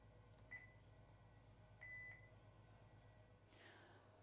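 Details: Two short electronic beeps over a low room hum as a home automated peritoneal dialysis machine, catheter connected to the patient line, starts an overnight session by filling the peritoneum; dialysis machine beep.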